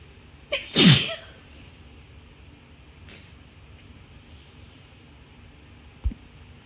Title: Female Sneezing